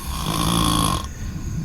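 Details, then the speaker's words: Single loud, rough, rattling snore lasting about a second, then quieter breathing; a bystander attributes the heavy snoring to Xanax ("zombified"); snoring. "Where the fuck that shit coming from, bruh?"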